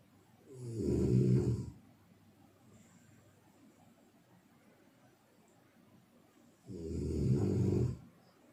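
Two loud, rattling snores about six seconds apart, near 10 breaths a minute, with quiet between them.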